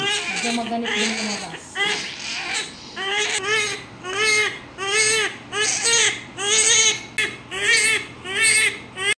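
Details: Newborn baby boy, a large baby from the mother's third pregnancy and delivery, crying just after birth: loud, rhythmic bursts of voiced crying about one a second, with adult voices briefly at the start.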